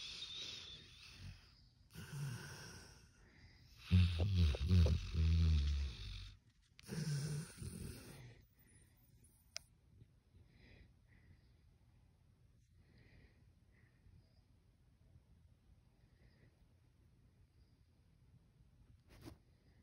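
A few low, rough snorting snores from a sleeping dog, then mostly quiet breathing.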